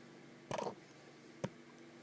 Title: Snoring olde English bulldog